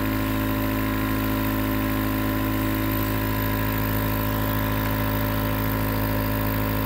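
Steady, unchanging mechanical hum with a buzzing motor drone, the sound of a nebulizer compressor running.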